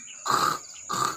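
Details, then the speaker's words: Chicken with a severe cold (sipon), during nasal declogging: two short, harsh, croaking, frog-like breath sounds, a wet rattle (rales) in the chest. "So kung maririnig niyo medyo may parang palaka sa hinga niya"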